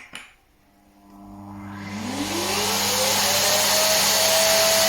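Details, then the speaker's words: A click, then a motor spinning up to a loud, steady whine with rising pitch; a Nosiboo Pro NO0102 electric nasal aspirator for babies and small children, switched on for a demonstration and noisier than hoped. "yep so for us at least this was no way near as silent as we hoped it would be but then again neither is this"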